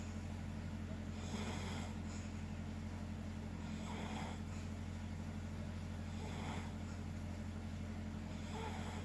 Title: Me and my Dad snoring together